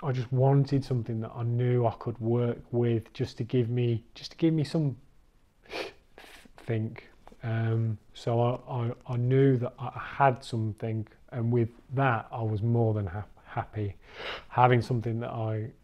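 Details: Adult recovering stammerer, stammering since childhood, who attended the Starfish course; word repetitions audible; stuttering.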